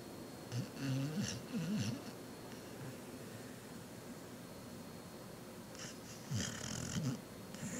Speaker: Yep, my dog snores in his sleep.